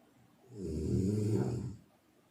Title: Bunyi dengkur yang membantumu tahajud (snoring sound)